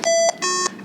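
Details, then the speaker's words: Two-tone electronic alarm, a high beep then a lower beep, from an Eitan Medical Sapphire infusion pump during a home IV infusion; infusion pump alarm. "an alarm display during your infusion you must press mute at the bottom of the screen before clearing the alarm"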